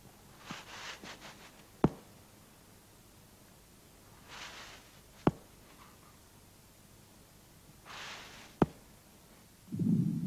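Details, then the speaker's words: Mitral regurgitation heard at the apex: slow heart sounds with weakened first sound and soft blowing systolic murmur radiating to the left axilla, from blood regurgitating from left ventricle into left atrium. "при недостаточности митрального клапана на верхушке выслушивается ослабление первого тона и систолический шум проводящий в левую подмышечную область Он возникает в результате регургитации крови из левого желудочка в левое предсердие"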